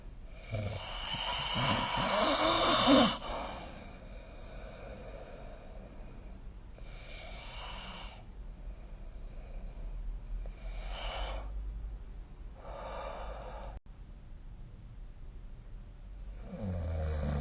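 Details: Rough, noisy breathing during sleep, spaced several seconds apart over steady room noise, recorded with the SnoreLab snoring app on 2025/05/02: snoring.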